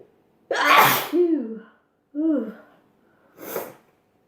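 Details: A loud explosive sneeze with a voiced "ah" tail, then a softer sneeze burst, from a sneezing compilation; ordinary sneezing.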